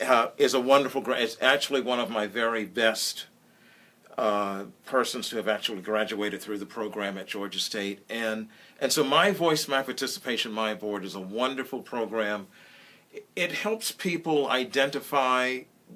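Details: Adult male speaker; typical speech.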